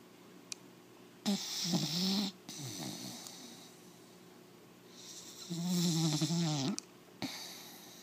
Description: My 4 month old American Pit Bull Terrier puppy snoring....